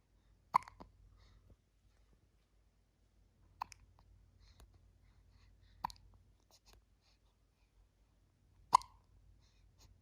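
Four abrupt, sharp 'hic' sounds about every three seconds, roughly 20 a minute, with quiet breathing and faint room noise between them: hiccups.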